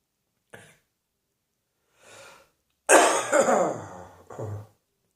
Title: Cross Dressing Coughing 124.